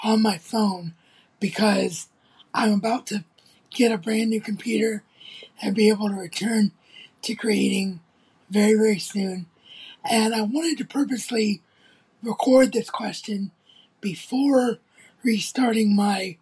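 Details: Adult male content creator with cerebral palsy who reports little trouble speaking, recorded on a phone; speech in cerebral palsy.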